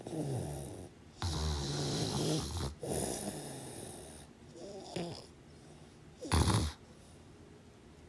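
Irregular rattling, snorting breaths separated by quiet pauses; snoring during sleep.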